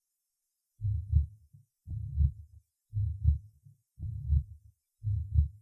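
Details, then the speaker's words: Tricuspid regurgitation murmur at the fourth auscultation point: regular heartbeat near 57 a minute with a low blowing systolic murmur; first sound usually weakened. "в четвертой точке аускультации появление систолического шума свидетельствует о наличии недостаточности трикуспидального клапана 1 тон как правило ослаблен прослушайте систолический шум трикуспидальный недостаточности"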